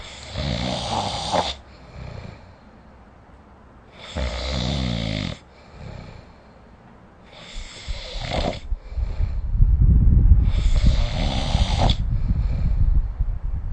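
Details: Person snoring during sleep, recorded with the SnoreLab smartphone app: loud, harsh rattling snores on each breath, with noisy breathing between them; heavy snoring.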